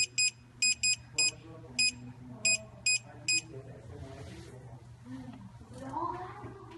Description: Root Canal Apex Locator